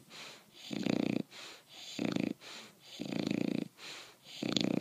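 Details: Bulldog sleeping after the dog park, snoring: loud, rattling snores on each inhalation with softer exhalations, about 24 breath cycles a minute.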